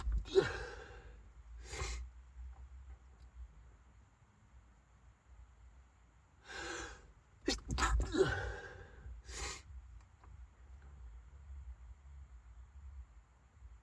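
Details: Sneezing fit while driving, bad enough that the driver had to pull over to avoid crashing: about six sharp sneezes in quick succession with gasping breaths between them, over low road noise.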